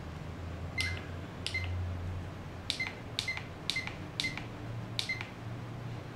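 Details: Seven short, sharp electronic key beeps over a quiet room hum as time and volume (60 ml) are entered in time mode on an SK Medica SK 600-series infusion pump keypad.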